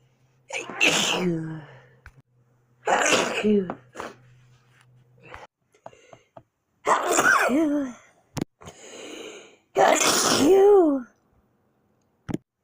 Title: A full week of my sneezes